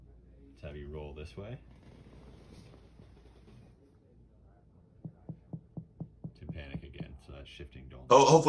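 A run of quick, even finger-percussion taps over the abdomen, shifting from dull to more hollow notes: shifting dullness of ascites.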